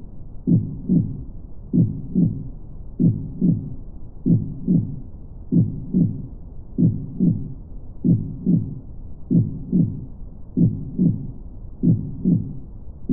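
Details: Steady, regular lub-dub heartbeat at about 48 beats a minute, low-pitched and even, presented as a relaxation and sleep track.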